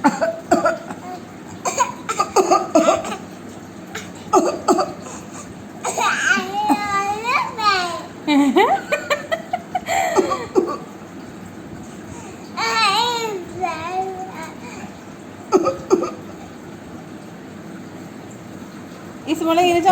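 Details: A young child imitates a cough with several short, pretend cough sounds mixed with high, sing-song voicing and laughter.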